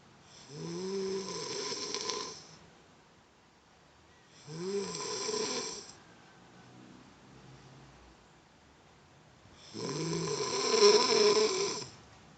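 Loud rattling snores on each breath in, about three over 12 seconds, with quiet breathing out between them.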